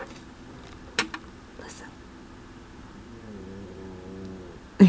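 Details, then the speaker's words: Faint, low buzzing snore from a sleeping Shih Tzu dog, rising through one breath near the end, with soft clicks and room noise; snoring. "if you can hear that that is my Shih Tzu my Shih Tzu snores louder than my husband he's so cute"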